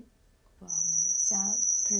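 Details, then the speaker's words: Steady, very high-pitched tone played during an audiogram to match the tinnitus frequency of a former guitarist with irreversible hearing damage from noise trauma; the patient confirms the match. "un audiogramme est ensuite réalisée afin de trouver la fréquence des acouphènes de rené l'acouphène est un son parasite créé par le cerveau qui cherche à compenser la perte d'audition"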